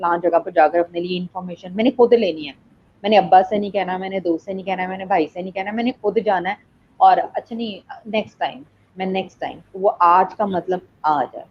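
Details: Adult woman speaking Hindi; typical speech.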